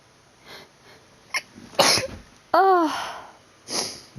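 A few separate explosive sneezes, one with a voiced 'achoo' sound, in a quiet room.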